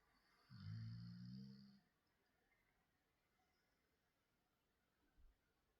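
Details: Female dog lying asleep on a bed after chewing things, snoring: a single long, low, rattling snore, then quiet breathing.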